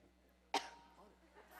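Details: Adult woman coughing uncontrollably while speaking at an event after days of talking, asking for water: a single sharp, loud cough burst, then faint room noise.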